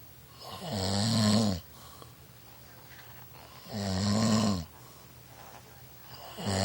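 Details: Person snoring through a long night: loud, low, fluttering snores on each breath in, about 20 breaths a minute, with quiet pauses between.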